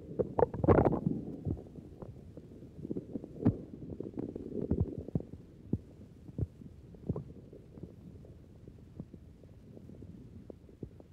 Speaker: In this tracing, the sounds are normal but are very active because the individual is hungry and has just smoked a cigarette.